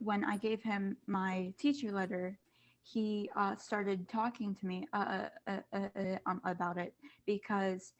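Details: Student who stutters, speaking as a panelist among kids, teens and adults who stutter, back at school after online classes. Finding: stuttering.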